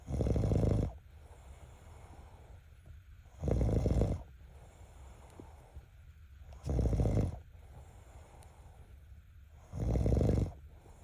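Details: Loud, low, rattling snores on each in-breath, about four in eleven seconds, with quiet breathing between: typical snoring.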